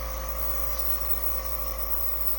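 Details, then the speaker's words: Nebulizer with mask running during a home hydrogen peroxide inhalation treatment, breathing through nose and mouth until the mist stops; steady low mechanical hum and buzz of the compressor. "you're going to want to turn it on just one switch and you'll see that it's going to start steaming you'll put it on and breathe in for your nose and mouth until this steam is done"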